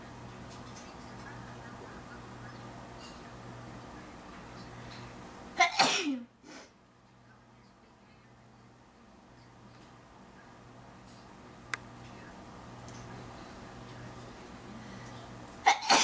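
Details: Induced sneeze: a sharp explosive sneeze after a quiet stretch, with the start of another burst at the end; room noise in the background.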